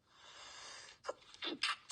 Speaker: It's like, excuse me, cough and sneeze all at once.